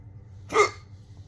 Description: Randomly got some really bad hiccups! They lasted ages!